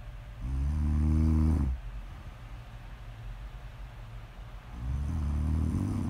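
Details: Snore audio ASMR of a sleeping woman: two deep, rattling, low-pitched snores on inhalation separated by a quiet pause; snoring.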